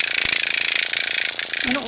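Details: Motorized microneedling pen on a woman over 50's face: rapid buzzing mechanical clatter with fast regular pulses; microneedling pen in operation.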